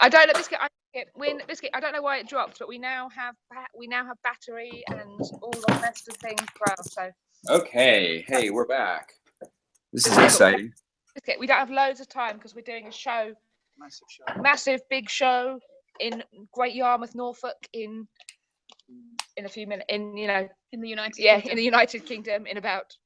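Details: Vocal tics of Tourette syndrome in a woman, involuntary, including frequently repeated words like 'biscuit' and random words like 'hedgehog' and 'sheep dog'.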